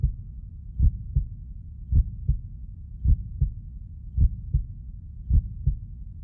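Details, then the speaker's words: Simulated fetal heartbeat from a Hindi TV drama prenatal scan scene, heard through a stethoscope: steady paired low thumps at about 53 beats a minute; the father remarks it is beating very fast; doctor says heartbeat fine. "ये तो बहुत तेज धड़क रहा है। शवनी, शवनी, शवनी, हमारा बच्चा, हम दोनों का बच्चा धड़क रहा है।"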